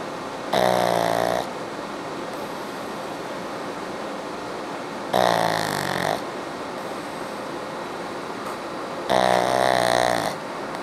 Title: Cute Pug snoring loudly